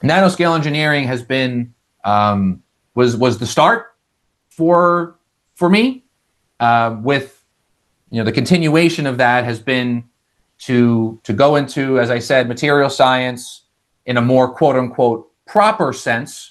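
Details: Adult male with lifelong stuttering showing as vocal-cord blocks, managed with speech techniques such as airflow technique; this stretch has repeated words.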